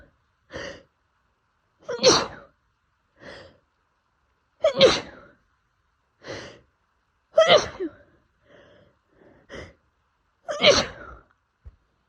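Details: Person in the south with pollen allergy, sneezing daily for a month despite medication: about four forceful sneezes, each preceded by gasping inhalations, in a rapid fit; sneezing fit (allergic rhinitis).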